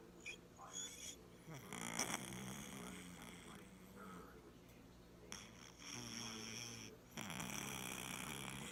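Soft, rough breathing noises with a faint purring rattle over a quiet room background; cat snoring.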